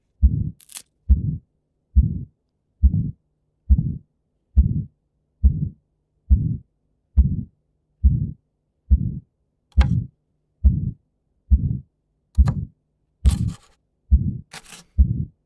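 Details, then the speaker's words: Aortic stenosis: regular heartbeat about 69 per minute with a crescendo-decrescendo ejection systolic murmur swelling between the first and second heart sounds. "Okay, crescendo, decrescendo murmur, ejection systolic murmur. That is the murmur of your aortic stenosis."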